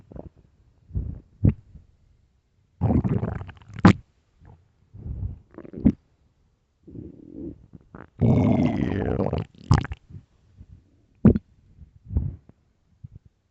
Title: early morning stomach growls (headphones) part 3